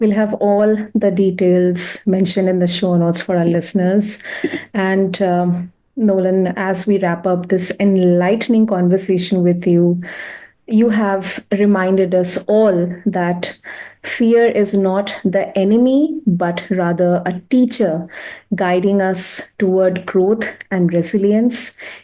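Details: Adult woman speaking; typical speech.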